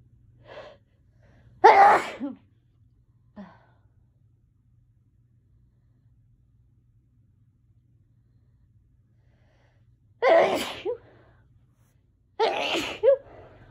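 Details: Allergy sneezes: three forceful sneezes, each preceded by a quick inward gasp, with long quiet pauses between.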